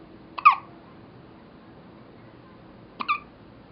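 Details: First hiccups in a 2½-week-old infant girl: two short, sharp hiccup sounds a few seconds apart in a quiet room; she seems startled by them.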